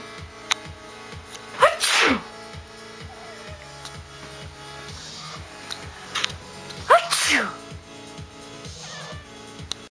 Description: So after I realized my buddy Chevron likes to meow.. aka say "bless you" after people sneezed... I thought I'd film some random clips.